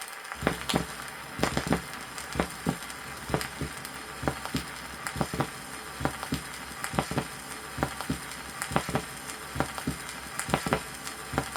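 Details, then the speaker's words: Vintage 1963 Soviet teaching vinyl record of normal heart tones at Botkin's point: steady paired sounds through heavy record crackle. The first tone is longer and lower than the second; the first is louder at the apex, the second at the base. "первый Тон продолжительнее и ниже второго первый тон громче выслушивается на верхушке а второй тон на основани сердца прослушайте запись нормальных тонов сердца на"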